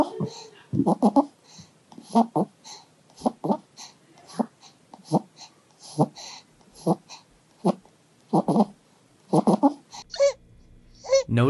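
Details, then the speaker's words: Stridor in a child with upper airway obstruction, with subcostal retractions: rapid noisy breaths, each carrying a harsh, high-pitched crowing sound. "Now, let's listen to what Strider sounds like. Notice here that the patient is experiencing strider with subcostal retractions."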